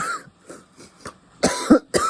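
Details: Cannabis smoker coughing after taking a dab through a taped-together nectar collector, saying it hurt his throat: a few soft throat sounds, then about three harsh coughs with throat clearing; irritant cough.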